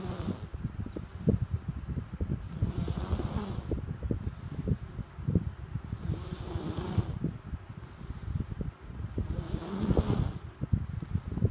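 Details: Rocky snoring: low rumbling snores with a fluttering rattle, recurring about every 3 to 4 seconds, roughly 16 to 18 breaths a minute.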